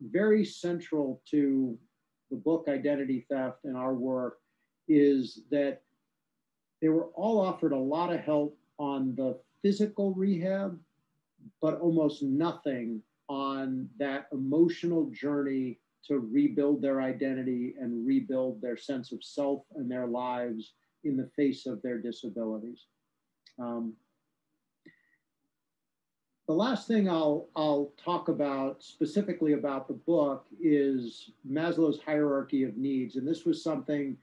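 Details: Adult male speaker; normal speech.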